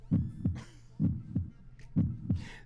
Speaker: You know they put that gel on their stomach, and they put the thing like. That's your baby's heartbeat.